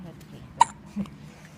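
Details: Infant with hiccups: a single sharp hiccup with a quick catch of breath, then a softer breath sound, in quiet room noise.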